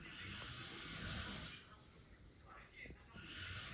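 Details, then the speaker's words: Adult asleep after a long day of cycling: rough, rumbling snore with a television playing faintly in the background. "T'entends Malcolm en fond et ton ronflement."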